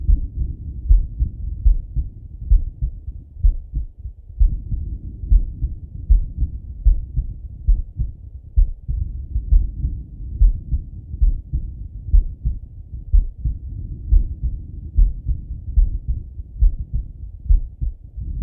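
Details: Male heartbeat by stethoscope while lying on his left side; steady, deep thumps at roughly 70 a minute under a muffled rumble.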